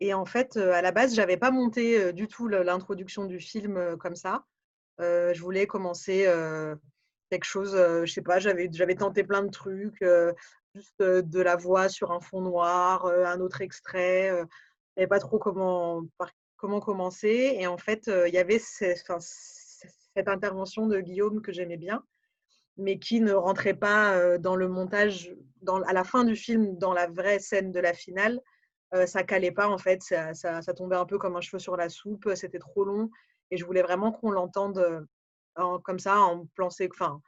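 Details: Adult speaker, French; ordinary conversational speech.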